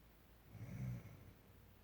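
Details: Adult woman snoring in her sleep: a single soft, low rumbling snore in a quiet room.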